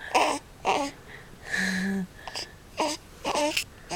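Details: Male infant during tummy time (neck exercises on a Boppy pillow, then held standing) in early October 2011, giving short repeated fussy cries and whimpers with brief pauses as he gets frustrated and mad; infant fussing cry.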